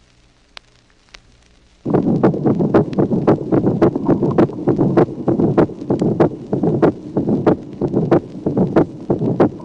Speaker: Dédoublement du premier et du deuxième bruit chez un malade porteur d'un bloc de branche droit. Les valvules tricuspides et pulmonaires se ferment les dernières. Présence également d'un souffle d'éjection mésosystolique et qui se termine bien avant le deuxième bruit.